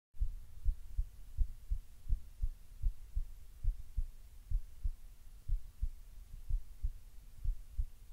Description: Relaxed but still a little fast